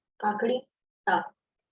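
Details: Marathi-speaking child with cleft palate saying 'kaku kakari'; velar and dental plosives replaced by grunt-like glottal stops, a compensatory error linked to velopharyngeal dysfunction; glottal stop substitutions.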